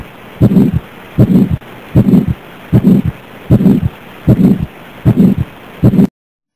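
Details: 82-year-old asymptomatic man with hypertension, hypercholesterolemia and type 2 diabetes, BP 140/95; regular heartbeat near 77/min with a rough, drawn-out whooshing sound blurring each beat: heart murmur, assessed alongside ECG and echocardiogram.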